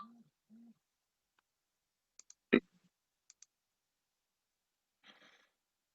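Sharp isolated click from the jaw joint during mouth opening, a sign of disc displacement with reduction.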